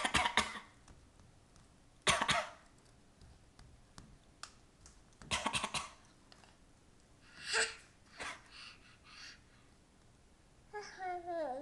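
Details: 9-month-old infant imitating a parent's cough: short, breathy cough-like bursts ending in a brief voiced coo; not illness.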